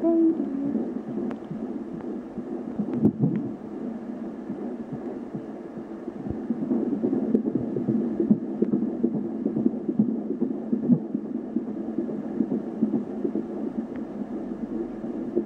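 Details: Fetal heartbeat at 14.5 weeks of pregnancy through an Angelsounds home fetal Doppler: rapid whooshing beats, about 140 a minute, broken up by noise as the baby kept moving a lot.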